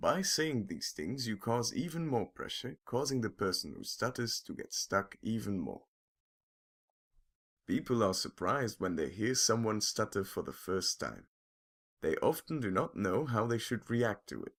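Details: Adult male narrator, possibly a synthesized voice; typical fluent speech.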